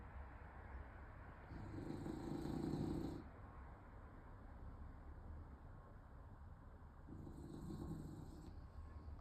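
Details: Sleeping French Bulldog: two loud, rough snores, each lasting over a second, with quieter breathing between; snoring.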